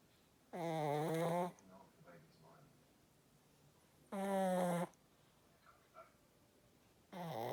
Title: Our girl snores, do not miss it 😂😴💕